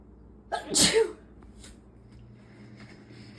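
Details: Single forceful sneeze with a sharp intake, then quiet room noise, from a female with May allergies after weeding; allergic sneezing.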